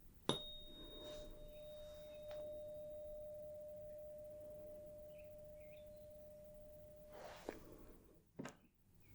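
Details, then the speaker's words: Role-played ASMR hearing test: high-pitched 512 Hz tuning fork struck, giving a steady pure ringing tone that slowly fades, then a few soft clicks and taps. "so let's start with the high pitched one this is 512 Hertz coming in loud and clear"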